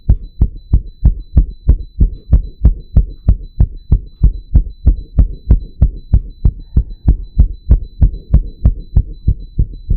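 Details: Own real heartbeat, wired to a 3-lead ECG monitor, deliberately made to beat super fast: rapid, regular thumps at about 185 a minute, paced by monitor beeps; tachycardia.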